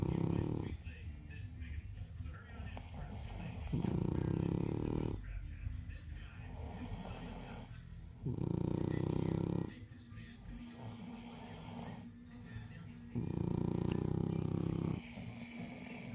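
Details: French bulldog and a person snoring: loud, low, rattling snores on each in-breath, about 13 a minute, with quieter breathing between them.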